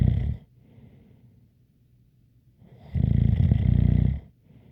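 Loud buzzing inhaled snores with a faint high whistle riding on them, quiet breathing between.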